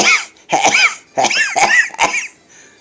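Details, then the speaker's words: At the end of a morning sneezing bout, after trying a nose trick, three harsh, voiced coughs in quick succession; coughing. "oh some of that was the last three were coughs oh my gosh that was so powerful"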